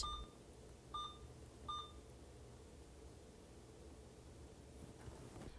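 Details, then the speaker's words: Electronic infusion pump for IV fluid therapy powered on, rate set in volume per hour, then started: three short, high start-up beeps, then steady quiet room hum. "Press the power button to turn on the device and set the infusion rate to the required volume per hour and press start."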